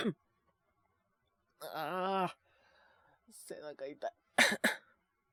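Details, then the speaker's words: Drawn-out moaning voiced exhale, then a run of short cough bursts ending in two sharp coughs, from a man several days into influenza A; fever peaked at 39.6°C, now 37s; intermittent choking coughing fits, not from sore throat. "なんかこう、咳をするとね、本当に喉が痛くて咳をしてるわけではなくてみたいな、本当にちょっと嫌な咳なんですけど、常にね、出てるわけじゃなくて、たまに急に苦しくなってむせ返るみたいな、そんな咳が出ております。"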